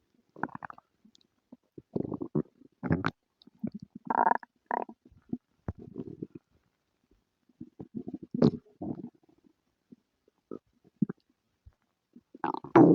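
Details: Stomach noises in someone with diarrhea and flatulence: frequent gurgling, bubbling rumbles in irregular bursts with short quiet gaps; active bowel sounds (borborygmi).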